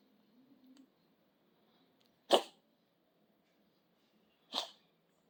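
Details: Cat named Jade sneezes twice after being petted: a soft purr-like murmur, then two sharp, brief bursts of air about two seconds apart in a quiet room.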